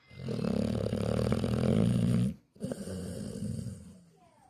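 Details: Male sleeper snoring: a loud, rough, rattling snore lasting about two seconds, a brief pause, then a second, quieter snore; described as very loud snoring.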